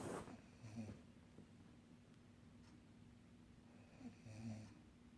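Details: Adult woman (mother) snoring while asleep in bed: low rattling snores, about two breaths in five seconds, amid quiet room noise.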